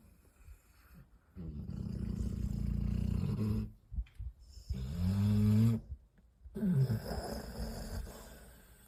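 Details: Dog asleep and snoring loudly: low, rumbling snores with each breath, some fluttering and pitched; dog snoring.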